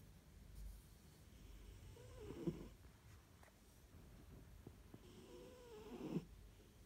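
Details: Lexi, a Siberian cat napping at lunchtime in a cat carrier, snoring: two soft, rattling snores, each building on the in-breath over about two seconds, with a quiet pause between.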